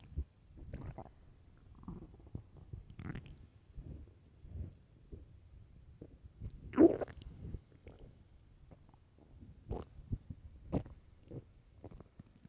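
Low gurgling and rumbling bowel sounds with occasional louder squeaky growls, ordinary hunger-related stomach growling.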